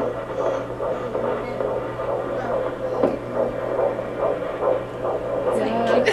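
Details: Fetal heartbeat on Doppler at a doctor's appointment: rapid whooshing pulses about 140 a minute; fetal heartbeat on Doppler ultrasound.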